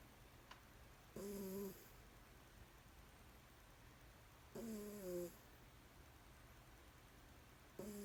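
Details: Cat snoring while asleep on a blanket; snoring.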